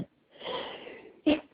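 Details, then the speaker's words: Person trying to hold back a sneeze by pinching their nose shut: a drawn-in hissing breath through the pinched nose, then a short sharp burst; a stifled sneeze. "oh I really need to sneeze I'm trying to I'm trying to hold it back I really didn't mean to sneeze"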